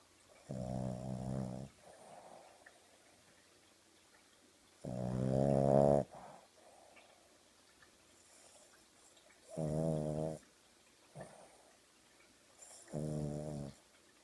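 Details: Dog snoring while asleep on a sofa, eyes open and wiggling: loud buzzing snores on the in-breath, about four in fourteen seconds, with softer out-breaths between.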